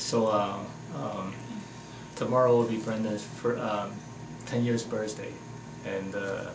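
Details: Adult man speaking; Ordinary adult speech.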